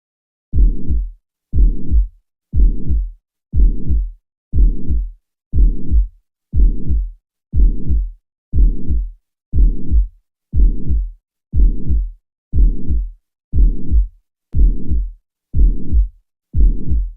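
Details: Mitral regurgitation: regular heartbeat at about 60 a minute, each beat carrying a sustained low blowing murmur.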